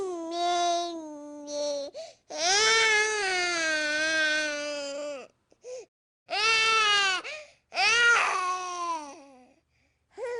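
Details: An infant cries in long tonal wails with brief breaks for breath between them; infant crying.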